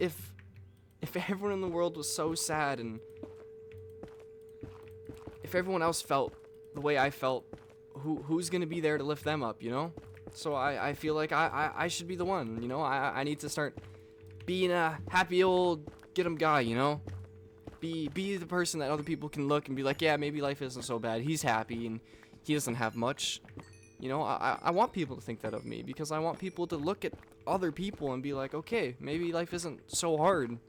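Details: Stuttering in a man who reports stuttering his words and repeating the same things over and over.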